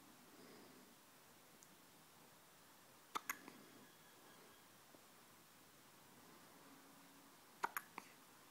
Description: Two and a half week old baby with hiccups